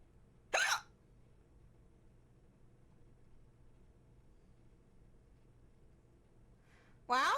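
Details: Female streamer with repeated hiccups after gaming, possibly from eating too fast: two sudden, sharp, high-pitched hiccup squeaks about six seconds apart, with quiet room noise between.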